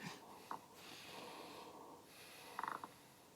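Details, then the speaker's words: Adult man's breathing recorded contactlessly with a lung sound monitor while he deliberately produces a cough-like, phlegmy sound: noisy, rough breathing with brief crackles, louder on inspiration. Coarse breath sounds. "好，用一点有点咳嗽的声音。有点痰的声音，"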